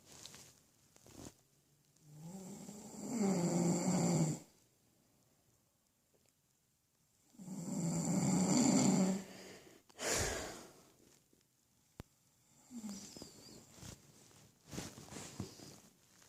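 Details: Adult male dozing while supposedly watching TV: two loud, rough, rattling inhaled snores with quiet pauses, then softer breathing; snoring.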